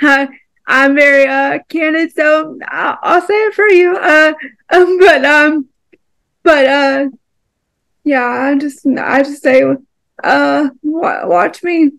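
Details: Dysarthria in an adult woman with cerebral palsy.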